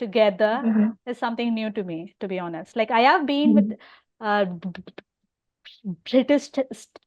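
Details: Adult woman who stammers openly (overt stammering) and has hearing loss: stuttering.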